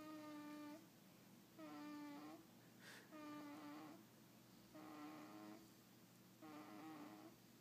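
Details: Repeated high, whistling snore sounds, about 38 a minute, steady rhythm with quiet pauses between; snoring.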